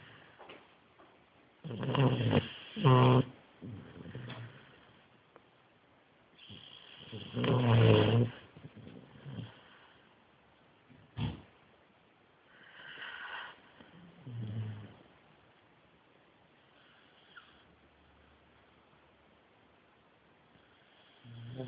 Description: Meds knocked him out - SNORING loudly!